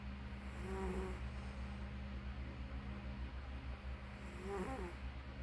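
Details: Quiet snoring: two soft, whistling, fluttery breaths about four seconds apart over a steady low hum.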